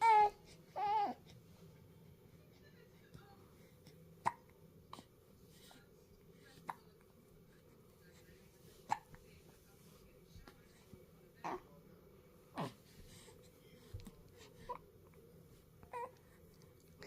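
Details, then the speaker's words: Baby with hiccups: brief, sharp, irregular hiccups, about ten in seventeen seconds, after a couple of soft vocal sounds at the start. "Oh, you got the hiccup, huh?"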